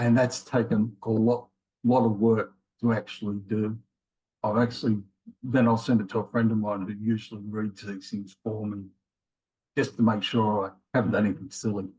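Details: Man in his late 50s with mild aphasia after a left-sided ischemic stroke in January 2020; he has trouble finding words and getting them started; he also had multiple heart attacks and has rheumatoid arthritis; aphasia.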